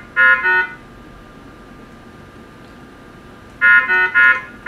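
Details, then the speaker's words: CardioSave Hybrid intra-aortic balloon pump (Maquet) disconnection alarm in training demonstration: short bright beep, pause, three rapid beeps and rising tone when balloon is disconnected. "another alarm you may encounter is if the balloon becomes unconnected disconnected the balloon an alarm and an alarm appears foon pump disconnected we connect the balloon"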